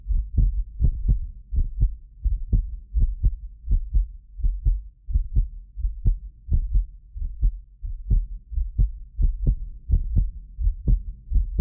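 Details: Heartbeat of a medically fit adult recorded with more than six precision contact microphones; regular lub-dub at about 86 a minute, occasional doubled clicks from a 6 ms microphone delay; normal heart sounds.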